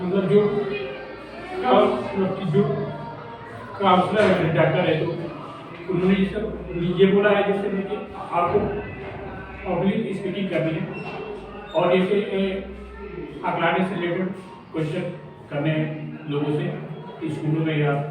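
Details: Male speaker who says he stutters when speaking in front of people: stuttering.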